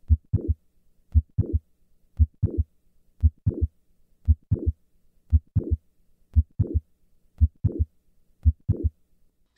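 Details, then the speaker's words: Mitral valve prolapse mid-systolic click with late systolic murmur during standing then squatting; the S1-to-click interval is 140 ms standing and 200 ms squatting, so the click moves later with squatting. "I will start in the standing position where the interval between S1 and the click is 140 milliseconds and then move to a squatting position where this interval is 200 milliseconds"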